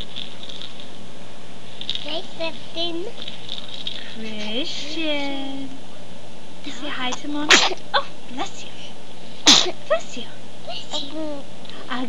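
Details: Child singing Twinkle Twinkle to her baby brother, who sneezes: two sharp sneeze bursts interrupt her singing, with adult talk in a small room.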